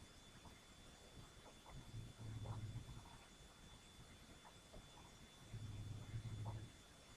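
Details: Sleeping cat snoring: quiet, low buzzing rattles on two drawn-in breaths a few seconds apart over faint room hiss.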